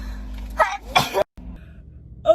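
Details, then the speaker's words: Sneeze from a girl during a Covid-19 nasal swab test, as the burning swab is rolled in the nostril: a gasping intake, then a sharp explosive sneeze burst, a brief pause and another breath. "god what is a bird why does it burn so bad roll it around now i'm gonna sneeze"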